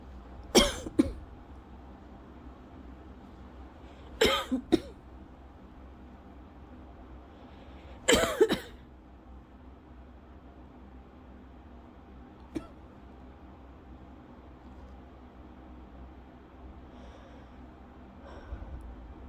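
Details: Lingering cough over a month after illness, with a scratchy throat, in a person with asthma (a milder bout): three short bouts of harsh coughing, two or three coughs each, seconds apart.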